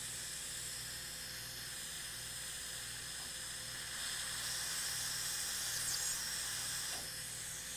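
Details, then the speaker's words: Continuous high-pitched hissing whine with faint water spray and soft pulsing, from a dental handpiece with a non-end-cutting bur side-cutting and smoothing during a live root canal treatment of tooth #14 under slit-dam isolation; dental drilling. "let me tune the powell this is not an in cutting berth but it will side cut you can smooth with it really nicely"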